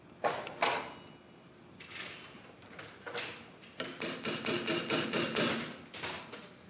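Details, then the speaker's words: Hip replacement demonstration: a run of sharp, uneven hammer taps impacts the acetabular trial until it achieves immediate stability, a press fit, before the definitive socket is placed. "so there you can see we've got enough uh immediate stability we got what we call the Press fit"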